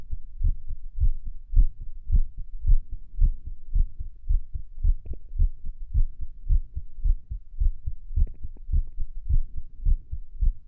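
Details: Heartbeat recorded at Erb's point while lying on the stomach and listening to music; about 109 a minute with uneven spacing between beats; irregular heartbeat.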